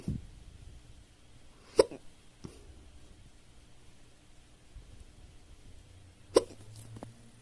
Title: fast hiccup after eating